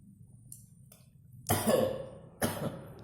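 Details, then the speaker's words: Two abrupt harsh cough bursts after a quiet stretch with faint breaths and room noise, from a person just after eating kaffir lime (jeruk purut) as a home cough remedy. "Lihat apakah efeknya ternyata batuk-batuk."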